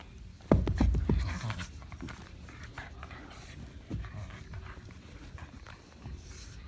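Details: Sheltie dogs, brother and sister, playing together: short, sharp nasal sneezes during play followed by panting and play noise; play sneezing.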